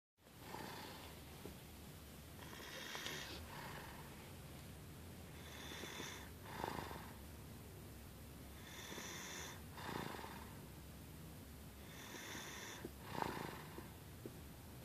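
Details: Snoring in a little boy asleep in his car seat: steady, rough snoring with a whistling nasal tone, about 18 breaths per minute, each breath in and out audible.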